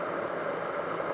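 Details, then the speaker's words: Steady hissing rumble from a WellO2 home breathing exercise device warming water to make steam before use via mask or mouthpiece (nose or mouth breathing); a signal sounds when ready. "The water is warming there, and then there will be a signal."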